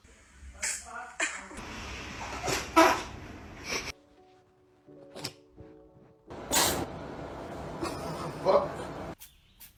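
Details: Cat sneezing: several short, sharp bursts of breath, with soft music and room noise in the background; sneezes.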